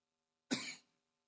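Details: Single abrupt, sharp cough from an adult, fading within about a third of a second, occurring while the adult gives a public speech: cough.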